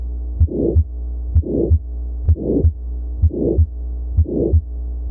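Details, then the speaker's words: Regular heartbeat near 63 a minute with a crescendo-decrescendo, diamond-shaped murmur swelling then fading between the first and second sounds: mid-systolic ejection murmur. "in a mid-systolic murmur you can hear that they're initially softer than they get louder and then softer again sometimes that's referred to as the crescendo decrescendo murmur"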